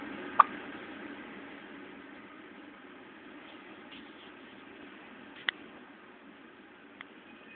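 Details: One-day-old newborn girl with hiccups: three brief, sharp, isolated catches spaced several seconds apart over a quiet background.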